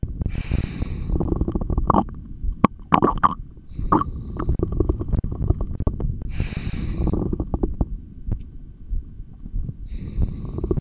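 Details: Stomach growling (borborygmi) on a stethoscope recording made during long breath-holds: low rumbling and gurgling bowel sounds with breathing noise over them.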